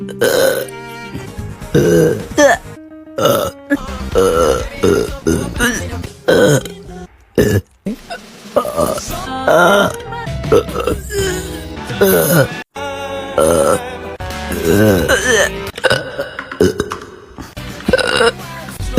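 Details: Repeated short, voiced belches in quick succession, some with a hiccup-like catch, over background music; hiccup burps.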